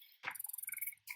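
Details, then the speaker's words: Rapid, even pulsing buzz with a higher whine: a Spectra S1 hospital-grade electric breast pump running in expression mode at cycle 54 with vacuum at its highest level, 12. "so that's on the 12 and it's on the highest so all it's set on to the highest settings"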